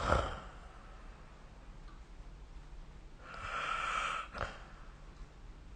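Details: Snoring during sleep recorded with the SnoreLab phone app: a brief snort, then one long, rough, slightly whistling breath in a quiet room.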